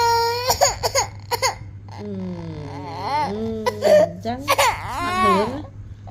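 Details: Short, high-pitched sobbing cries from an infant, followed by lower adult talking in a small room with a steady hum; infant crying.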